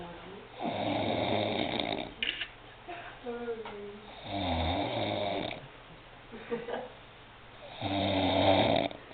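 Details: Loud, rattling snores on each inhalation, about three in nine seconds, with quiet exhalations and soft background voices: a person asleep snoring.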